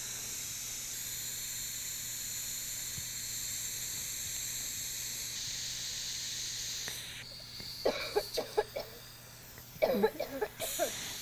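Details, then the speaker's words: Tracheostomy suctioning in a nursing-lab demonstration: a steady suction hiss for several seconds, then gurgling, sputtering bursts. Suction is applied only while withdrawing the catheter with a twist, and the patient may cough. "The patient may cough as I'm withdrawing the catheter and suctioning. When you are withdrawing the suction catheter, you want to twist in order to get all the surfaces of the tracheostomy tube."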